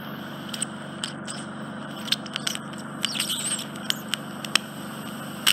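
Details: Endoscopic suction with a finer instrument in a man's very narrow, infected right ear canal occluded by dead skin and debris: steady suction hiss with crackling and scraping bursts as debris is pulled out.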